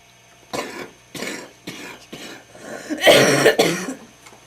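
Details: Smoker's wet cough after smoking homegrown tobacco, with chest pain: run of about six harsh, rattly coughs in quick succession, consistent with a wet, productive cough.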